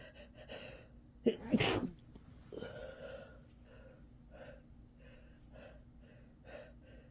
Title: Sick sneezes again